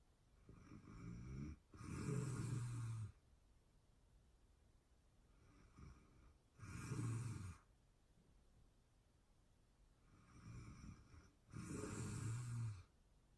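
Three rough, rumbling snores on the in-breath, each with a softer lead-in, about 13 breaths a minute in a quiet room: ordinary snoring.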